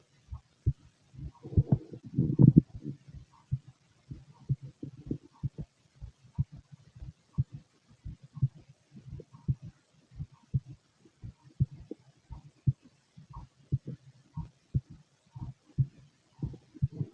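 Regular low thumps, about 80 a minute, with a few louder gurgling bursts early on; a heartbeat.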